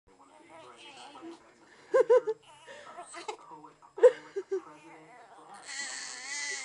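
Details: Hiccups in a 3-week-old baby girl: a repeated hiccup episode.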